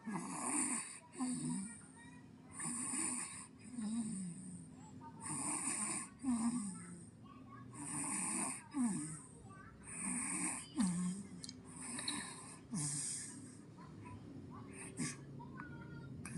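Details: Soft rhythmic snoring on each breath, about 24 breaths a minute, in a quiet room; an infant snoring during sleep.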